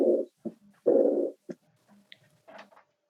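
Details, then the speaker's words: Diastolic murmur at the aortic focus, a low blowing, cooing sound repeating about 70 times a minute: diastolic murmur of aortic regurgitation. "obviamente si es insuficiencia va a tener soplo de visitante guys campeón soplo diastólica en el foco aórtico y acá tiene el soplo durante la diástole"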